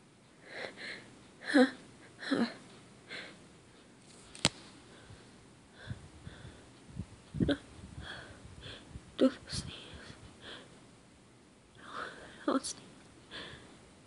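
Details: Person attempting to hold back sneezes: several stifled sneezes with gasping inhalations, then a few forceful, somewhat messy sneeze bursts; repeated sneezing.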